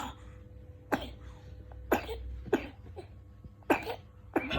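Five short, sharp coughs spaced about a second apart, with quiet room noise between them.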